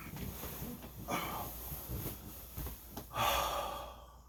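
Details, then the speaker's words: Adult man with sleep apnea and disabilities waking in the morning, catching his breath after hypoxic sleep: heavy, noisy breaths with gasping intakes, laboured breathing on waking. "I'm basically catching my breath. I'm basically catching my breath. The hypoxic nature of sleeping at night."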